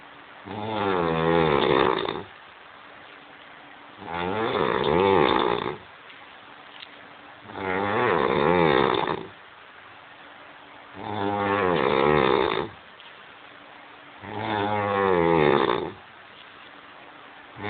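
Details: Drunk adult man snoring: loud, rough snores at steady breathing about 18 a minute, each lasting nearly two seconds.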